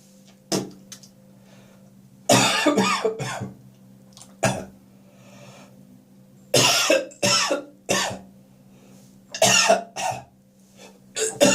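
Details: Adult's morning cough, possibly after too much beer the night before: repeated clustered bursts of harsh coughing, with throat clearing, gagging and spitting between them.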